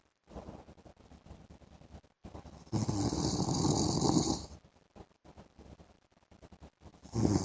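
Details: Adult man (husband) snoring in the afternoon: rough, rattling snores alternating with quieter breathing, one long loud snore in the middle.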